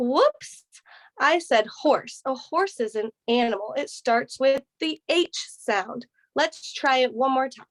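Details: Adult woman speaking; normal speech.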